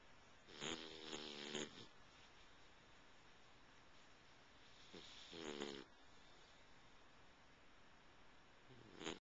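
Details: Rough, vibrating snores on each breath in, about every five seconds, over steady room noise, recorded on a Flip Video camcorder in February 2009; snoring.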